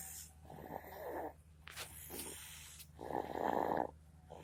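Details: Soft, rough, snorting breaths with a brief pause between them from a sleeping baby; snoring.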